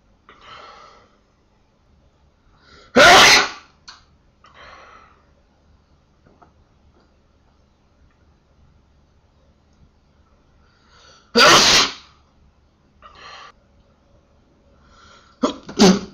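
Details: Sneezing fit: three loud, explosive sneezes, with a softer, sharp inhaled build-up before the first two, in a quiet room.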